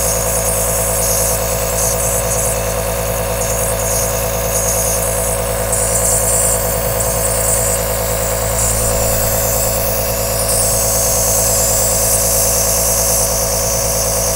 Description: Enjoy 10 hour aerosol nebulizer sound.